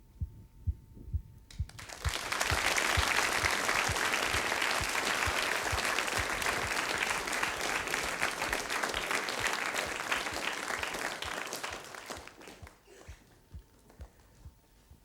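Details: Normal heartbeats of the adult lecturer's own heart, demonstrated in a lecture on how the heart pumps blood.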